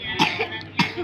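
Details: Two short cough bursts about half a second apart, from a person who says they have a cold with runny nose and are coughing up phlegm.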